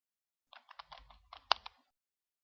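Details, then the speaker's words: Dry powder inhaler (Accuhaler) technique demo: after checking the dose counter, soft plastic handling and then one sharp click as the inhaler cover is opened until it clicks. "periksa dos kaunter pada inhaler buka penutup sehingga bunyi"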